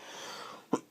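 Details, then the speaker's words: An adult with a persistent cough that has kept them off work for many days despite medicine: a breath in, then a single short, harsh cough that sounded worse than the last one. "that sounded worse than the last time all right so I have I have medicine you know but I had so many days off so many days off job center Oh please how many days I had off just because of this cough"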